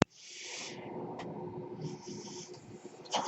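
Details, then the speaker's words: Rhythmic airy hissing with soft clicks from the speaker's own mechanical ventilator delivering breaths, heard in the background of a podcast recording. "everyone, my name is, that noise you're hearing is my ventilator."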